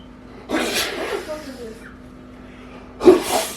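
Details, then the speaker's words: Staged prank sneeze: a man who says he is sick makes two loud, breathy sneeze-like bursts a few seconds apart onto his sleeping girlfriend's face, using fake snot; not a real sneeze. "you sneeze on my [ __ ] face say stop [ __ ] playing with me is this [ __ ] snot on my [ __ ] face"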